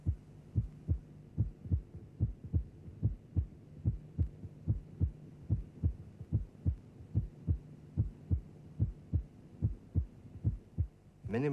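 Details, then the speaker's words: Cardiac auscultation teaching recording of physiological splitting of the second heart sound, a lesser degree where both elements are recognizable but not completely separated, just a dip in loudness between the peaks. "Lesser degrees of splitting can be recognized with practice. For example, while each of the two elements of the second sound may be recognizable, they may not be completely separated. There might simply be a dip in the loudness between the peaks."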